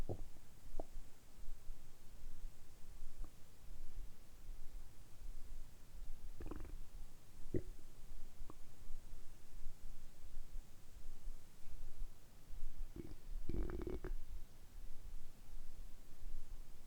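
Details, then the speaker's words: Adult man after about 12–13 hours of fasting, before drinking sparkling water, very hungry: scattered low gurgles and rumbles of hunger bowel sounds from an empty stomach. "軽いファスティングなので、ゆっくりお腹の音をお聞きしていただければと思います。"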